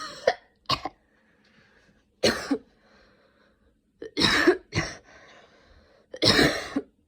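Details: Person still sick with a cold and recent fever, using an inhaler: six harsh, loose coughs, some paired in quick bursts with quiet pauses, in a small quiet room.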